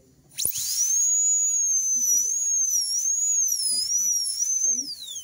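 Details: Steady, high-pitched whine of a high-speed dental drill, wavering as it cuts, with faint low clatter, during tooth preparation for veneers, starting at the incisal edge: high-speed dental drill.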